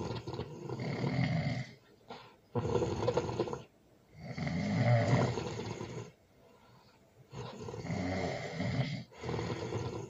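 Loud, rattling snores on each breath, roughly every two to three seconds, with quiet gaps between; heavy snoring during sleep.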